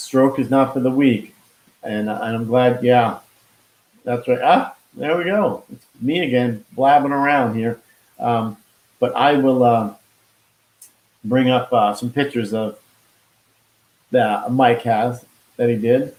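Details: Expressive aphasia after a stroke with heart attack in 2016 in a man, now 53, who could not talk at first and still loses words; hospitalised five months.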